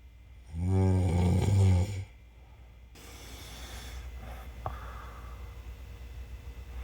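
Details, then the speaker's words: A woman who snores and sometimes mouth-breathes, trying nasal strips: a single loud, low, buzzing rattle on an in-breath, then quiet room noise; snoring. "So, I haven't noticed a difference, but my husband says I'm snoring much less. He has heard me snore a little bit one time since using these, but it was very quiet."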